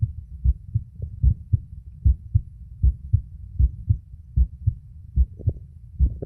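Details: Normal heart sounds of a male, self-recorded with a phone microphone held at the cardiac auscultation spots, with pushes at the end.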